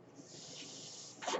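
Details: Home mechanical ventilator breath cycle of an adult man, heard in the background while he speaks: mechanical ventilator breath cycle.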